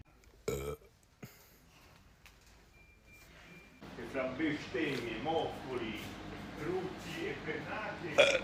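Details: Two short burps from a man in a burp compilation, followed by Italian talk and room noise; burping.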